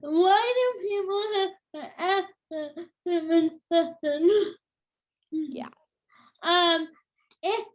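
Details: Adult woman with cerebral palsy since birth, which she says has become tighter with age: dysarthria.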